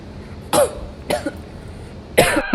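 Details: Three short, dry, throaty coughs over about two seconds from a woman trying a vape, with a sore throat and startled reaction after inhaling; irritant cough.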